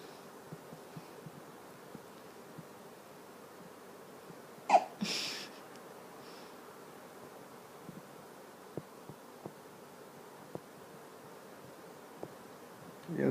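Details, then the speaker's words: Baby hiccups: short, sharp, jerky hiccup sounds from a baby. "um yes and now um you're gonna see baby hiccups huh michelle is having baby hiccups so i'll let you listen to it"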